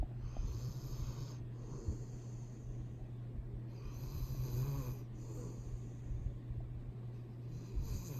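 Low, rumbling, rattling breaths repeat every one to two seconds with faint snorts: a dog snoring.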